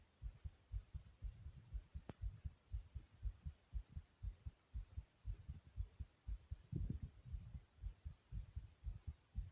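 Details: Fast heartbeat: rapid, regular low heart thumps at roughly 120 beats a minute over a faint steady hiss.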